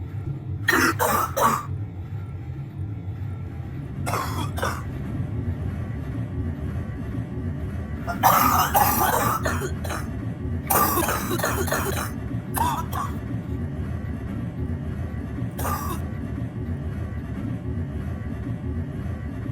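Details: An adult coughs in several short bouts at night in a kitchen/laundry room, over a steady low machine hum: nocturnal cough.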